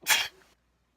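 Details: Induced sneeze: one short, sharp, hissing sneeze burst fading within half a second.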